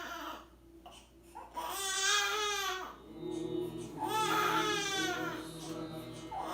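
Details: 11-day-old baby crying, scared after his first sneeze, while his father tries to soothe him with om chanting: two long, wailing cries with rising and falling pitch, a man's voice and faint music behind.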